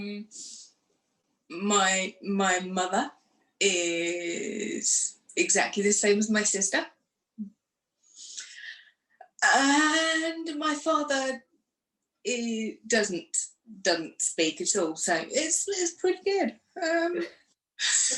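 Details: Woman who had a stroke two days after a hysterectomy in 2018, aged 44, lost her speech afterwards, and now lives with post-stroke aphasia.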